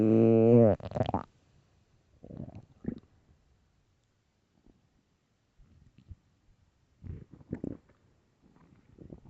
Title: extremely LOUD stomach growls (morning)